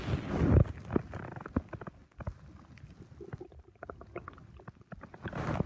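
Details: Low gurgling and scattered bubbling pops from the abdomen, with some rubbing noise; ordinary stomach rumbling.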